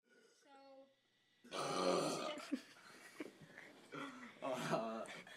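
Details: A male gives several loud, drawn-out burps, two long deep ones with shorter bursts between, in a small room; belching.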